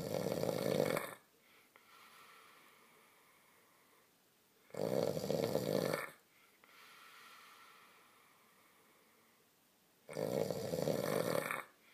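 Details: Sleeping man whose snoring is linked to lying on his back (advised to keep him off his back): loud, harsh snores each in-breath, about 12 breaths a minute, quiet out-breaths; heavy snoring.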